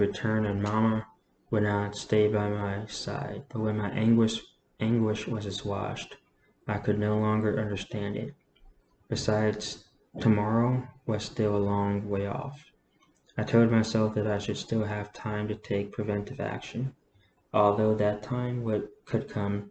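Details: Adult man with a self-reported stutter reading a novel aloud, saying he normally stutters significantly less when reading; word repetitions heard. Stuttering.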